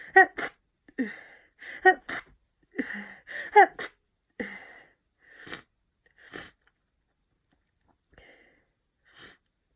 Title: Sniffly cold sneezing 3